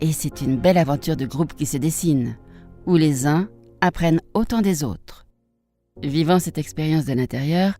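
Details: Adult female narrator; typical speech.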